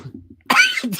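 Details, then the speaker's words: Quiet low talk, then a single sharp, harsh cough burst with a short second effort, from an adult podcast host who has a cold, coughing before he could press mute; cough. "greg put his tongue in his cheek and coughed that's what happened i went to hit the mute button but i was starting to cough already and yeah the mouse starts sliding all over the place"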